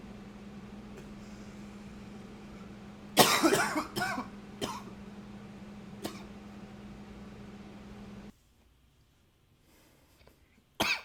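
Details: Coughing recorded with a new high-fidelity microphone: a loud cough burst, then several smaller coughs over steady room hum, quiet, and a final brief burst.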